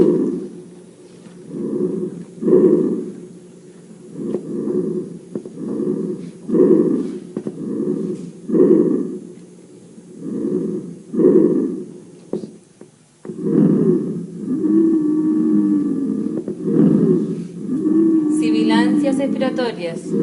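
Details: Wheezes heard on auscultation over the trachea.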